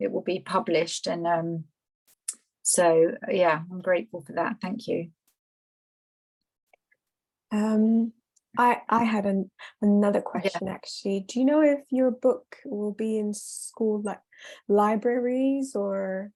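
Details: Stuttering in a female attendee at a stammering charity event who says she has a stutter.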